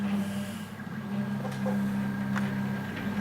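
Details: Steady mechanical hum with faint clicks from a running low-cost open-source prototype mechanical ventilator built from 3D-printed parts, pressure set around 20 cm H2O, being tested.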